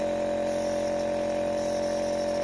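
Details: Home nebulizer being run with normal saline prescribed by a doctor: steady mechanical hum with a constant whine, no breaks; nebulizer compressor running.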